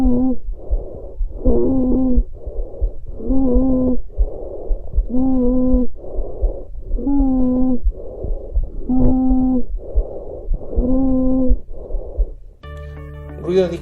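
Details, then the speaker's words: Stridor from obstruction of the larynx or extrathoracic trachea: a loud, harsh, continuous musical noise of intermediate pitch with breathing, roughly 30 breaths a minute. "él es traidor es un ruido continuo de tonalidad intermedia intenso y el deeb editarse se produce cuando la obstrucción de la laringe y la tráquea extra tórax"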